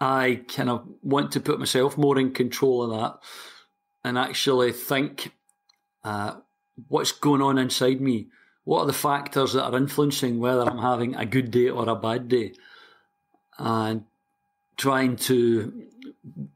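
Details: 60-year-old man from Glasgow, Scotland, who has stammered since about age four; stuttering (stammering).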